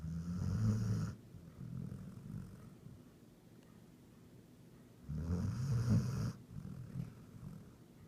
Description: Our 6 months old German Pointer snores like a grown man when she's sleeping by my side :-) :-)